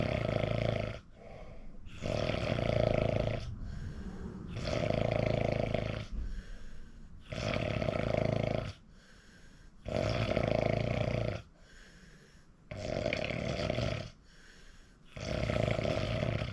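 Repeated rough, rattling snores with short gaps, some on both breathing in and out; heavy snoring during sleep.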